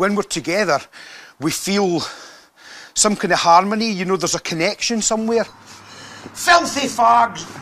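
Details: Involuntary vocal tics, including swearing outbursts, in a Scottish man with Tourette syndrome.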